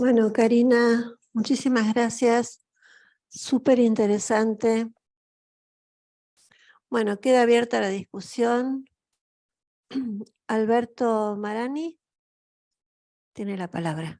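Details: Adult woman speaking Spanish; normal voice.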